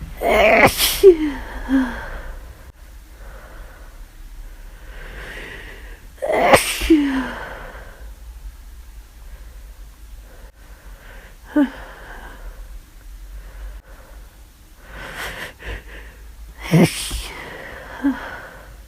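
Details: Person with flu, constantly itchy nose, recorded over about half an hour: about five forceful sneezes, each with a sharp intake and explosive burst, a few seconds apart; repeated sneezing.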